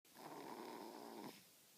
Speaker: this baby has fallen asleep in his car seat and he is snoring like a little pug.